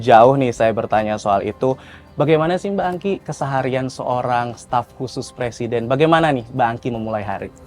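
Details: Adult male interviewer; Normal adult speech.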